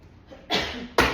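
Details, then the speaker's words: Two short, sharp cough bursts from an adult, acted in a comedy parenting skit in which the mother asks if they are sick and the reply is that they just coughed a little. "You're sick? No, Mom, I just coughed a little bit."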